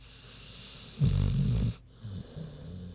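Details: Sleeping pig snoring: one deep, rumbling snore followed by softer breathing sounds; ordinary sleep snoring.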